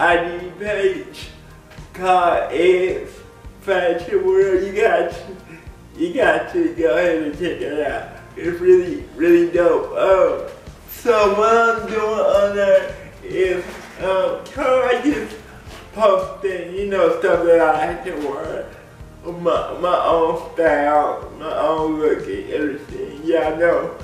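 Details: Dysarthria in an adult man with cerebral palsy; people have laughed at the way he talks since childhood. Cerebral palsy is named, but no speech disorder is formally named.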